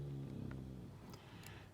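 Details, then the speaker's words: Dog named Rosie snoring in her crate: a low, steady rumbling snore from a resting dog, quiet against faint room noise; snoring. "if you hear the snoring that is rosie she is snoring in her crate right now rosie our dog"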